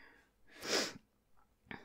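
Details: Simulated sneeze by a woman acting a superhero with a cold and fever in a role-play recording: short indrawn breath, then a sharp hissing burst of air, in a quiet room.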